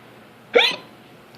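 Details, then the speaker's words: Person with hiccups for about five minutes, talking between them: one sharp, voiced hiccup, a sudden gulping catch of breath, in a quiet room. "Usually it's a squeaky squeak. A squeaky squeak. Yeah. That was one. That was a hiccup."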